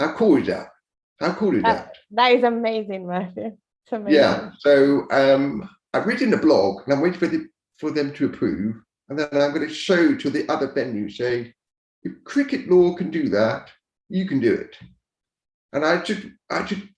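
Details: Speech of an adult man deaf from birth, raised to speak rather than sign, who wore hearing aids for years and now uses a cochlear implant; deaf speech.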